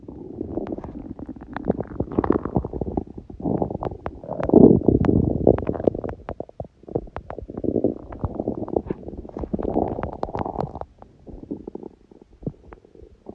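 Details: Continuous low gurgling and rumbling from an empty stomach with bubbly pops, with sneezing in the recording: ordinary hunger bowel sounds (borborygmi).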